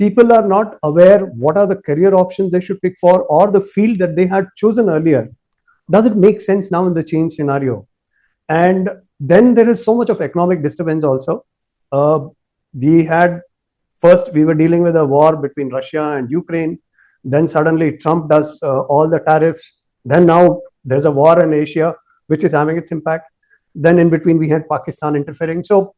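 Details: Adult male speaker, podcast interviewer; Normal fluent speech.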